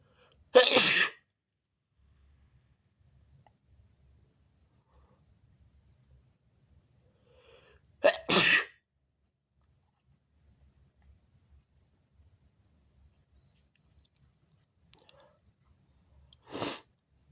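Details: Person sneezing toward a mirror: three forceful, wet-sounding sneezes, widely spaced with quiet between them, from a recording of big wet sneezes, stifles, false starts and nose blows.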